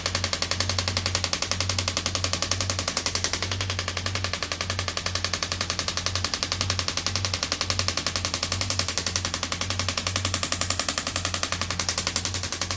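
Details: A radial shockwave therapy device treating a patient: steady, rapid mechanical tapping at about 80 pulses a minute over a low motor hum. The patient says it feels like deep tapping on the bone and mostly does not hurt.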